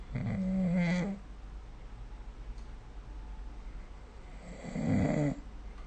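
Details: Snoring during sleep, recorded with the SnoreLab app.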